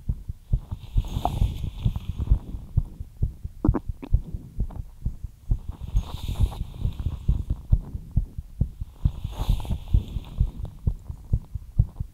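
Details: Heartbeat after light exercise: rapid, steady, low thumping at about 130 beats a minute with a soft background hum; a fast heart rate.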